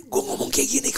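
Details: Imitated aphonia, breathy near-voiceless speech, by an adult man recreating his 2012 voice loss from a benign vocal cord nodule (tumor), since surgically removed.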